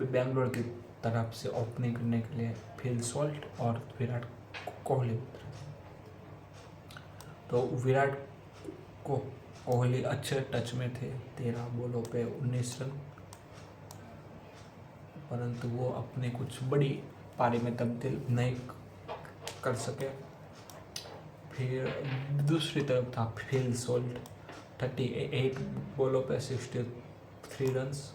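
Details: Adult man with a self-reported stammer, doing daily home stammer-control practice, speaking spontaneously in Hindi during storytelling practice. Stuttering.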